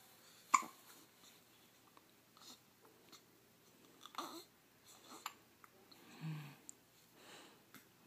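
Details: Newborn on her first day at home with hiccups: a few soft, abrupt catches in her breathing in a quiet room.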